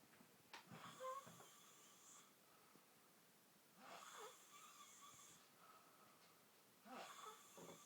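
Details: Person snoring: three loud, rough inhaled snores about 3 seconds apart, roughly 19 per minute, with quiet room noise between them.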